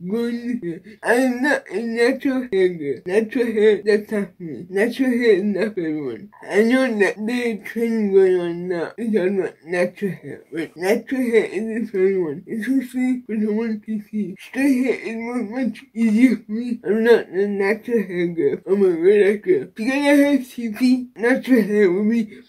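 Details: Dysarthria from cerebral palsy in an adult woman with a baclofen pump, who was previously hospitalized after a baclofen pump overdose.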